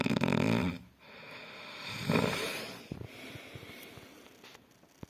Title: Best Snore Sound Ghunguti Sound